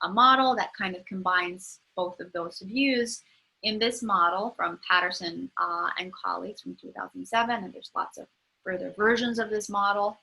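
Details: Adult woman lecturing; typical speech.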